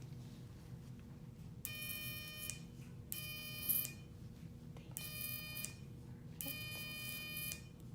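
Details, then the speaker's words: Four short bursts of steady electric buzzing over a low room hum: electrocautery sealing small oozing blood vessels before stitching during an in-office earlobe repair by a dermatologist. "Just a little buzzing to stop little baby blood vessels from oozing so I can put stitches in and see what we're doing a little bit better."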